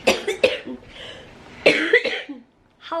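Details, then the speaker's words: Cough in an adult woman with cystic fibrosis, feeling unwell and coughing up blood at times through the day, recorded in the evening: several short, harsh coughs in two bursts with a breathy pause between. "hasn't been feeling good this evening it's evening now and she's throughout the day at different times been coughing up some blood"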